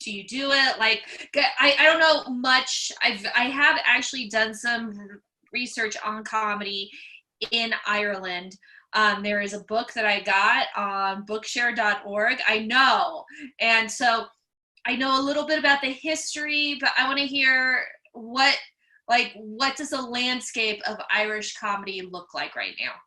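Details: Real stuttering (stammering) in an adult, a comedian who stutters, heard asking questions while hosting an interview.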